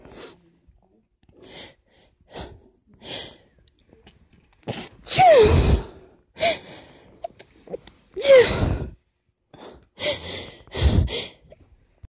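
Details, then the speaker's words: Person trying to stifle strong sneezes that are almost too strong to hold back: several sharp indrawn breaths, then two loud explosive sneezes and a final burst; repeated sneezing. "These are almost too strong to stifle, but not quite. Oh my god, they're so strong."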